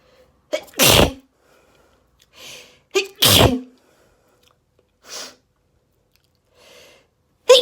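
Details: Allergy sneezing fit, rapid and intense: two loud, explosive sneezes, each led by a sharp in-breath, with softer breaths between them.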